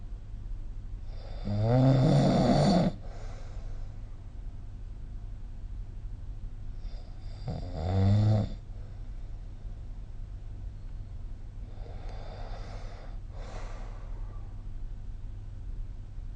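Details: Three loud, rattling snores on inward breaths, roughly every six seconds, with quiet breathing between, recorded with the SnoreLab app; typical snoring.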